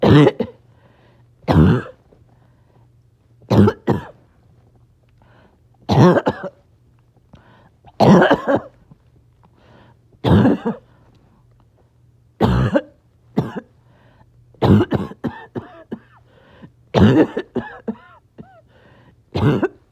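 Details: Person who says they are a little short of breath; repeated harsh coughs and throat clearing in clusters, about nine bouts over twenty seconds, with brief breaths between: back-to-back coughing fits, clipped together.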